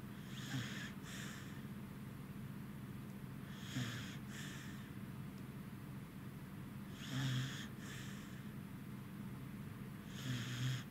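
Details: Tired corgi dog sleeping beside another dog: soft rhythmic snoring with paired breathy snorts about every three seconds, roughly 18 breaths per minute, over low room hum; snoring.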